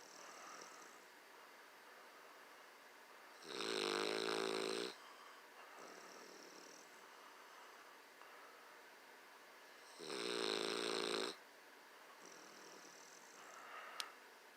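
Loud buzzing snores on breathing in, about every six seconds, with a softer whistling breath out between them.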